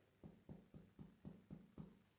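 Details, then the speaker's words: Seven evenly spaced hollow, low taps from indirect finger percussion over an intercostal space of the chest: a resonant note, the normal sound over air-filled lung. "So this is pretty hollow, so this is that resonance that we're looking for."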